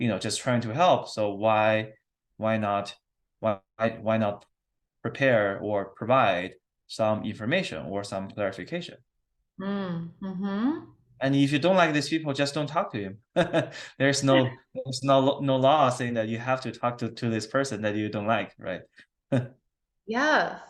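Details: Stuttering in an adult male speaking in an interview with his speech therapist.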